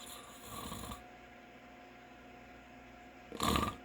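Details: Adult man (father) snoring in sleep: a short snore, a quiet pause, then a louder snorting snore.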